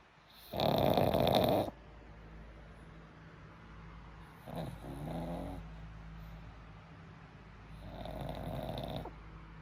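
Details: Boy's very loud snoring: three loud, rough snoring breaths about four seconds apart, the first loudest, with quieter breathing between.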